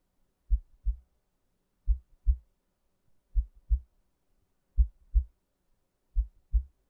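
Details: Soft, deep, muffled regular lub-dub of a normal heartbeat at about 42 beats a minute with no extra sounds, from an ASMR relaxation and sleep heartbeat recording.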